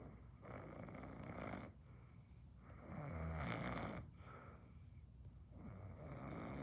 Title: Snoring is crazy